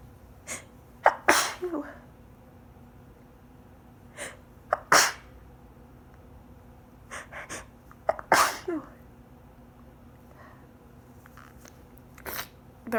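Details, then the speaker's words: About six repeated sneezes, some in quick pairs, with short breaths between, muffled into a handkerchief held tight over the face late at night; sneezing fit attributed to high pollen. "ruffled into the hankie that's why they sound quiet cuz it's late much don't sleep"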